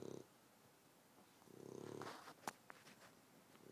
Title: Petunia snores